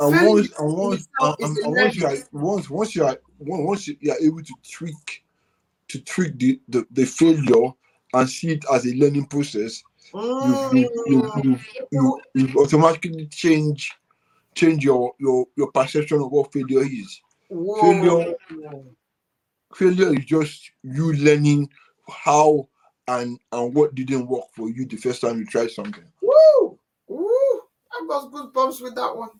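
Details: Adult man with dysarthria from cerebral palsy present since birth, which he attributes to high bilirubin at birth; he describes it as affecting the brain area controlling movement and speech.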